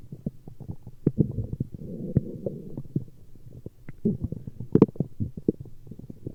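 Soft gurgling, bubbling and low rumbling with scattered pops throughout; ordinary stomach growling from gas and fluid moving through the gut.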